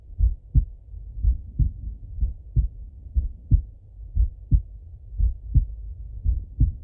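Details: Male heartbeat by stethoscope during full heart auscultation, recorded either sitting at a desk or lying in bed: regular soft paired thumps at about 58 a minute, no added sounds; normal heart sounds.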